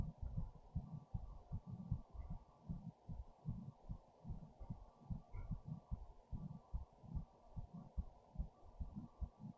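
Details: Fast heartbeat after standing up, heart racing with fast breathing: rapid, regular low thumps over a steady low hum, recorded with a headphone speaker.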